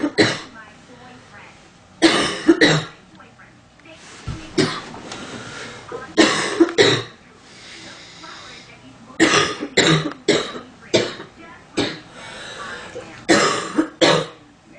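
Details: Sound-effect recording of an adult woman coughing, stating itchy, stuffy nose in cold weather; about ten harsh coughs in short bursts and pairs with brief throat clearing: cough.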